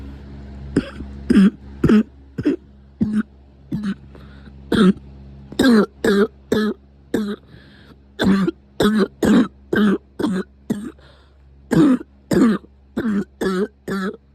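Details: Coughing frenzy: a rapid run of about 25 short, sharp coughs in clusters over 14 seconds; a repeated coughing fit.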